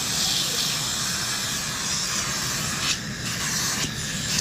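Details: Acteon piezo-ultrasonic scaling of the lower anterior teeth by a dental hygienist, with high-volume evacuation (HVE) suction capturing aerosol and water: steady loud hiss of water spray and suction with a faint high-pitched scaler tone.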